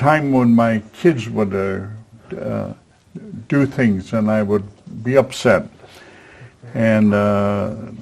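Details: Man with aphasia after a stroke at age 73, previously in a professional career, attending an aphasia conversation group with a speech-language pathologist; real patient speech showing aphasia.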